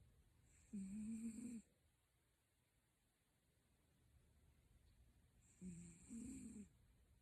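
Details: A 19-year-old cat sleeping on an arm pillow: two low, buzzing snores on the in-breath about five seconds apart, roughly 12 breaths a minute. Snoring.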